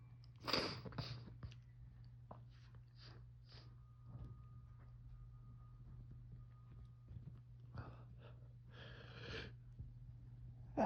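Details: Fall allergy sneezing just after waking in the morning, itchy nose; suspected ragweed or mold from dead leaves: several sneezes with breathy intakes, some close together, over a steady low room hum.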